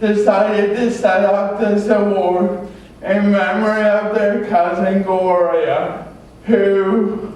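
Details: Adult man with cerebral palsy from oxygen loss at birth (umbilical cord around throat), a type involving muscle stiffness and irregular movements, noticed around age 1, after extensive speech therapy: dysarthria (cerebral palsy).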